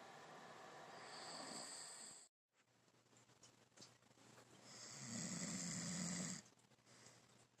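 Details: Person snoring during sleep: two rough, low rattling breaths separated by a quiet pause, with some room noise.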